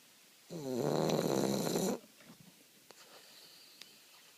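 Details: Sleeping bulldog snoring: a loud, rattling snore on one long breath, followed by quiet breathing.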